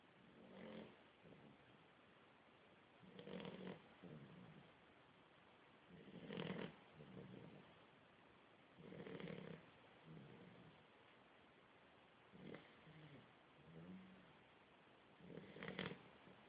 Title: Snoring dog